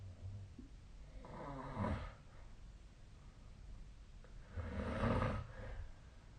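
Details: Two loud, low, rattling inspiratory snores about three seconds apart with quieter breathing between, recorded during sleep with a snore-tracking phone app; snoring.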